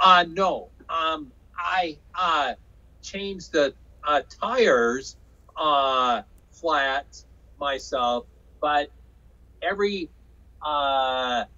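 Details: Aphasia in a man after a 2005 stroke caused by hereditary hemorrhagic telangiectasia (HHT); told he would never talk again; talking was hardest part of recovery; says he had or still has aphasia.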